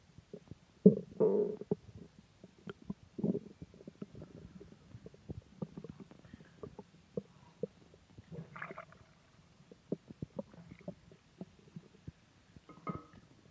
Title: Stomach Growling